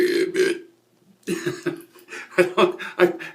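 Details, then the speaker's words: Adult male's deliberate burping during a commercial audition: several loud, drawn-out voiced belches, some shaped like words (burping the alphabet), with short pauses between; burping. "i'm not trying to do the burping just yet but wow uh well i guess might as well showcase some of that as well"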